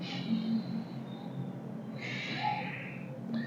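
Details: Normal breathing used as a respiratory rate demonstration in a vital signs lesson.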